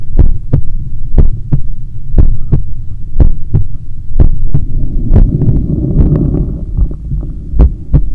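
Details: Own heartbeat recorded on waking in the morning: strong, regular lub-dub at about 60 beats a minute with a low background hum; a normal resting heartbeat.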